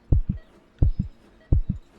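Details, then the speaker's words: Simulated heartbeat in an ASMR doctor roleplay, patient with chest pain, breathlessness and fever: three clear paired lub-dub thumps at about 85 beats a minute, described as racing. "Ah, coba saya cek dulu detak jantung kamu, ya. Hah, kok kamu deg-degan?"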